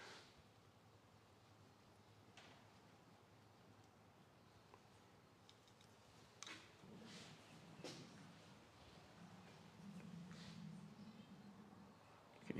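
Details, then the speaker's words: Faint, low, wavering gurgles and growls of stomach rumbling (borborygmi) in a quiet room, from a person who says they have not had breakfast today. "hear my tummy rumbling. I haven't had breakfast today."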